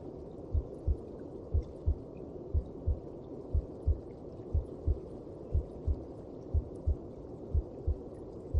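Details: Steady, muffled double heartbeats at about 60 a minute over a soft whooshing background: a heartbeat as heard inside the mother's belly.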